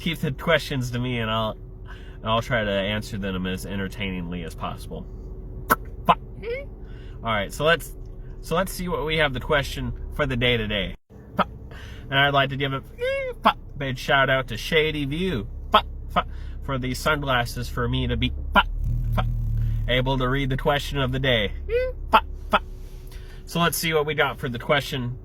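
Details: Adult male with Tourette syndrome whose tics include flicking off and yelling the F-bomb; vocal tics (Tourette syndrome).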